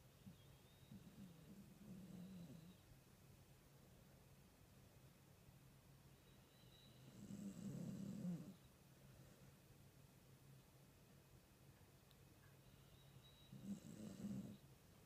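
Three slow, rough, low rattling breaths about six seconds apart, with quiet gaps between: snoring during sleep, roughly ten breaths a minute.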